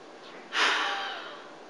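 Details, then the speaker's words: Simulated training scenario: patient takes a deep breath and blasts air into a peak flow meter after an MDI with spacer to recheck lung function; sudden hard blast fading over about a second; forced expiration. "so I want you to take a nice deep breath in again and explode that air into this device"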